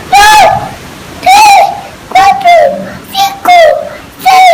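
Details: Child with a congenital laryngeal web (80% fusion) counting to ten loudly, voice described as quite high; abnormal voice from congenital laryngeal web.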